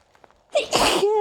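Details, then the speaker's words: A few soft held-back breaths, then one loud explosive sneeze with a voiced end, after trying to suppress a sneezing fit. "okay i can feel it coming don't sneeze oh cute okay god damn it"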